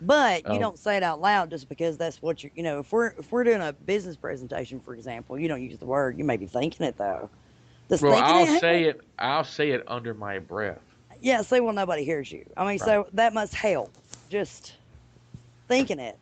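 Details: Adult speakers in conversation; typical fluent speech.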